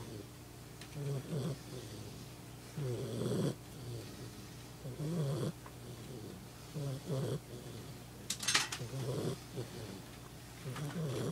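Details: Pet lying down and snoring loudly in sleep: soft, rhythmic, fluttering snores on each breath, roughly every 1–2 seconds, over a steady room hum.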